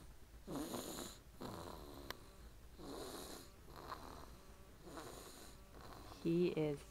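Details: Young child asleep after a late night of cheering at two softball games and a stroller ride: steady rhythmic rasping snoring, about 30 breaths a minute; snoring.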